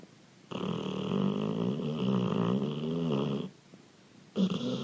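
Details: A dog snoring: a long, rattling, vibrating breath sound, a pause, then the start of another.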